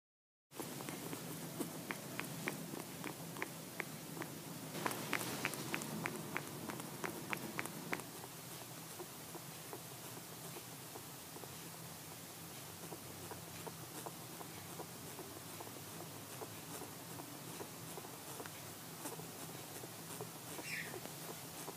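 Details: Rapid, irregular sharp clicks over a steady hum: audible clicky, laboured breathing with cheek puffing in a juvenile grey-headed flying-fox rescued beside a road, air hunger probably from pulmonary contusions: respiratory distress.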